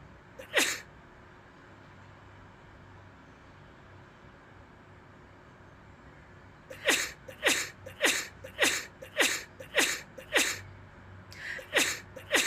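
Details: Animated comedy short of a person sneezing many times: a single sneeze, then a rapid run of about ten sharp sneezes at more than one a second.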